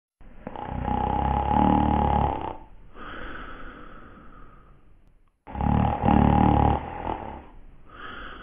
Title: Dark Shadows Joe Haskell Snoring